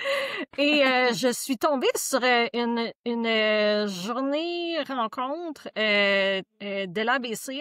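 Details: Adult woman who stutters and is a member of a stuttering association; stuttering.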